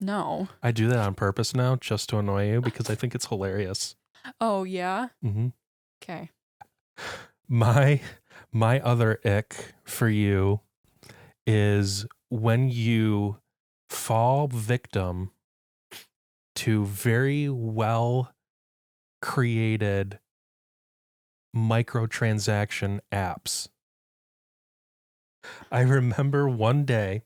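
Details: Woman, about 25, with aphasia after a stroke at age 14, 11 years ago; right-side hemiparesis, eight head surgeries; aphasia.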